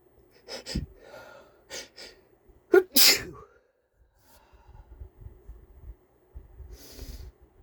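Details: A stuffy man takes short congested inhalations building to one loud, wet sneeze, followed by sniffling and stuffy nasal breathing.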